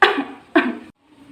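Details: Acted coughs demonstrating cough and sneeze etiquette, covering with a handkerchief, tissue or sleeve: two short, slightly muffled coughs, then quiet room noise.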